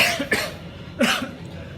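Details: Two short, dry, acted cough bursts from an adult in a hospital emergency department setting.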